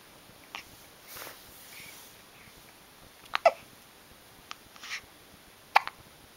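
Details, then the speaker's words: Infant hiccups: several short, sharp catches a few seconds apart in a quiet room. "he's hiding from his hiccups."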